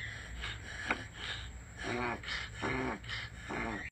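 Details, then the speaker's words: A borzoi dog makes repeated snorting, honking inhalations in quick bursts (paroxysmal respiration). This is a reverse sneeze. "the technical turn is paroxysmal respiration and although it sounds really distressing it's actually quite normal dogs reverse sneeze when something is irritating their soft palate"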